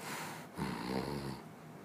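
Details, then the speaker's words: Sleep snoring illustrating stage 2–3 snoring, loud and soft in turns through the night, attributed to a narrowed nasal cavity and sinus space: a single rough, fluttering in-breath snore against background hiss. "2단계와 3단계는 밤새도록 코를 골다 말다 반복하는 경우 또한 밤새도록 코를 크게 고 랐다 작게 고다 골아 딸을 반복하는 경운대 이 경우는 부비동 공간 비강과 부비동의 공간이 좁아지는 것만큼 코골이 소리가 커지는 것입니다"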